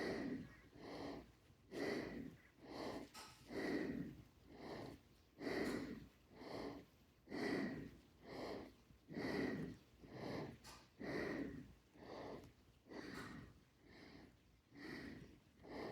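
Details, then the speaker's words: Adult with cancer affecting the lungs after a short backyard walk: loud, effortful breaths about 32 a minute with faint whistling; laboured breathing with wheeze on exertion. "you can hear me wheezing pretty bad in the videos I was just struggling to catch my breath you can hear while I'm talking right now actually"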